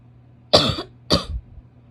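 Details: Adult woman with two harsh, barking coughs of wet, rattly quality: wet barking cough.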